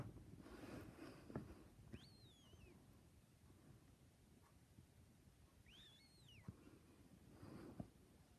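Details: A pet cat, Fluffy, snoring during sleep with a high, bird-like sound; snoring.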